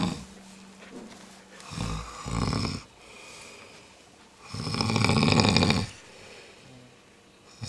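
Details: Loud, harsh rattling snores on the breath from a snoring-contest entrant, each lasting about a second, with quieter breathing between them.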